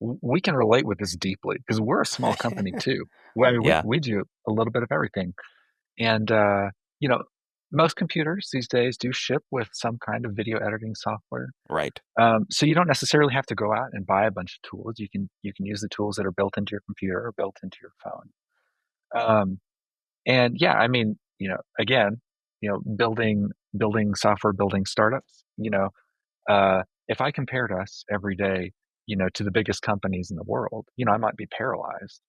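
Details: Adult male speaker; normal voice.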